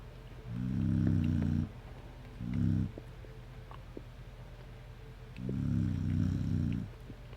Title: Dog snore